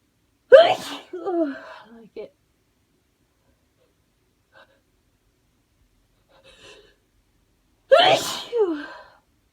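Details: Adult coming off the end of a cold tries to hold back sneezes and fails: two loud sneezes, each a sharp burst with a trailing voiced sound, separated by a quiet pause.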